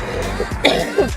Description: i peed on myself multiple times during this respiratory infection cough.